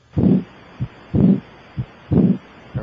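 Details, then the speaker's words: Chest auscultated at the aortic area with an electronic stethoscope while the patient holds their breath; examiner hears no S4 gallop before S1 and no S3 gallop after S2: normal heart sounds. "don't breathe I cannot hear an S4 Gallop before S1 and I do not hear an three Gallop after S2"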